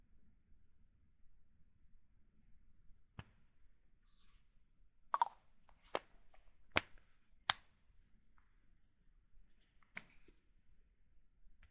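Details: Insulin injection with a NovoRapid FlexPen in a quiet room: sharp plastic clicks as the units are dialed, then the pen is triggered for the injection.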